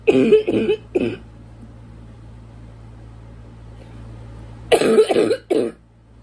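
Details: Adult with worse congestion lately and brutal coughs this past week, hoping allergies clear: two bursts of three harsh, barking, congested coughs each, separated by quiet.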